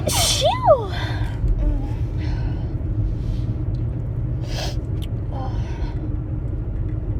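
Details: A short, high-pitched sneeze from a woman with a quick intake of breath before it, over steady low rumbling background noise; sneezing.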